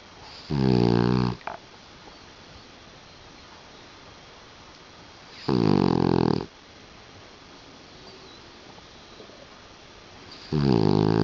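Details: Puggle dog: loud rattling snores on each in-breath, about every five seconds, quieter breathing between, room noise behind; snoring.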